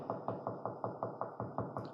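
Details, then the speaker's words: Needle EMG loudspeaker playing steady, regular pops about five per second: fibrillation potentials and positive sharp waves, the spontaneous single-muscle-fiber discharges of denervated muscle. "fibrillations and positive sharp waves are one and the same things okay so let's look at this recording"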